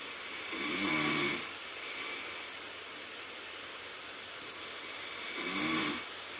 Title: myself snoring 😴, no good